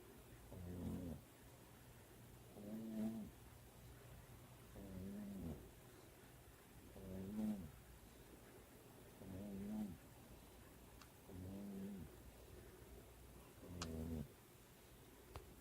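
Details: Regular rattling snores, about 14 a minute, each a low fluttering noise on the breath. Snoring.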